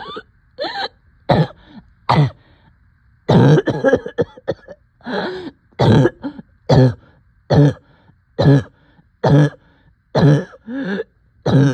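Steady run of harsh coughs and throat clearing, roughly seventy a minute, with brief gaps between bursts.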